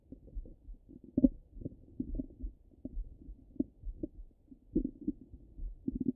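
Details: Irregular low gurgles and rumbles from ordinary stomach rumbling: bowel sounds.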